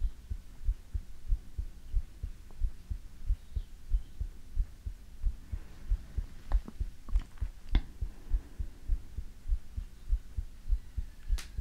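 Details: ASMR heartbeat recording: steady, deep, muffled heartbeat thumps, about 100 a minute, with a few faint clicks and rustles.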